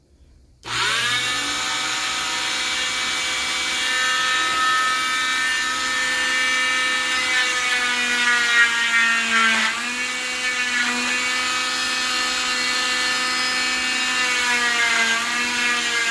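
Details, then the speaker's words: Oscillating cast saw cutting down the center line over safety tape on a short arm waterproof fiberglass cast with a Gore-Tex liner: a steady high-pitched motor whine that dips in pitch as the blade bites. "So we're going to go ahead and we're going to go ahead and cut down this center line where the safety tape is to show you how the saw versus the waterproof cast is going to work."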